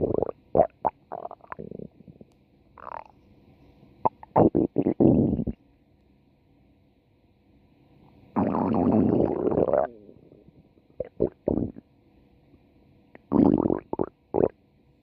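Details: Stomach growl: intermittent croaking, gurgling bursts separated by silence, including a long drawn-out growl, from gas and fluid moving through the gut.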